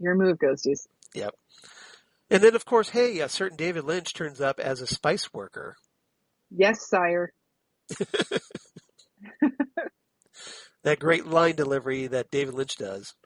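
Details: Adult speakers in casual conversation; no speech disorder.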